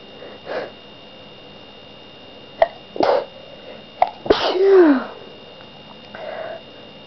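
Several sharp sneezes with sniffs and a voiced trailing sound between them; repeated sneezing.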